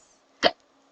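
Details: A single abrupt, short voiced hiccup in a quiet room: hiccups in a woman who suggests they may come from drinking too much.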